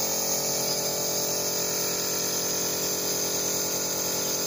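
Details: Steady, even hissing hum of a MEYOU B 11 compressor nebulizer running in normal operation after medicine liquid is added to the cup; nebulizer running.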